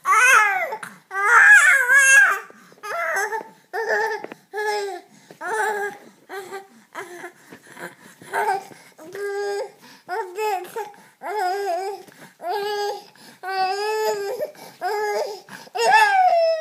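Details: Baby crying in repeated wailing bursts with short breaths between, in a small room. An ordinary infant cry.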